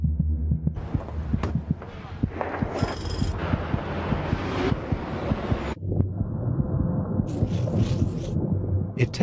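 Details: Fetal heartbeat in the womb, beating about twice as fast as the mother's heart; heard as a vibration-like sound on monitoring.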